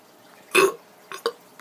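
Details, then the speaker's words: Child with stomach pain after eating KFC reports unusually wet burps; one loud, wet-sounding burp followed by two shorter, softer belches in a quiet room. "okay so for some reason i'm having really really wet burps today"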